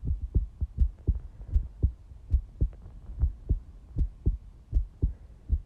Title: Quick heartbeat recording